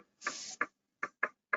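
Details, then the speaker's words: Needle EMG double (extra) discharges, heard as sharp, irregular crackling pops doubled like a split heart sound, shown in a motor neuron disease lecture; such discharges are non-specific and also seen in normals. "that's that little second potential you see occurring there you hear it as a like a split heart sound so this is basically fasciculation potentials on steroids there's the extra discharge or double discharge"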